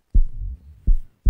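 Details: Low, dull heart thumps in a lub-dub pattern, the normal first and second heart sounds, played in a biology lesson explaining atrial and ventricular systole.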